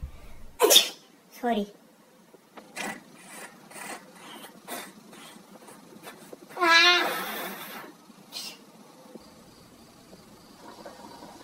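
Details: Imitated sneezes of different types: several sneezes of varying force and style, with quiet gaps between them.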